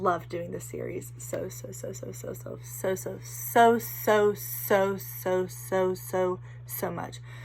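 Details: Vocal tic in a young woman with Tourette syndrome: repeated 'so' many times while speaking, which she then confirms was an unintentional tic.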